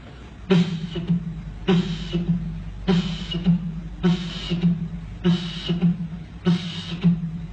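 Vocal imitation of repeated heart cycles with a rushing murmur, mimicking combined mitral stenosis and regurgitation.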